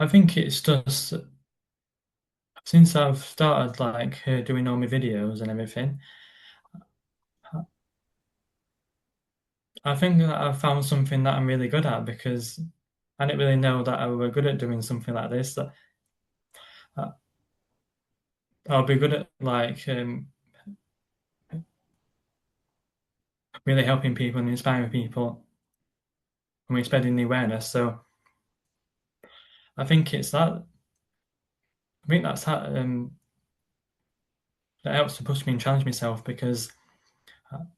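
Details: Stuttering with silent blocks in an adult man who describes his stammer as a neurological condition that blocks words from getting out, on any word rather than particular ones.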